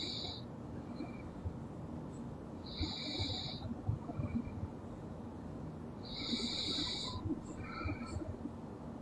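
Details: Loud snoring in a sleeping girl: rough, hissing snoring breaths, about three over nine seconds, with room noise underneath.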